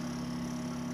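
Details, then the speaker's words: Steady pump hum with a low whoosh of air through the distal tip as the blue air/water button is covered: checking air insufflation on a small animal video gastroscope before use. "so by covering the blue button with my finger I can actually hear the air coming through"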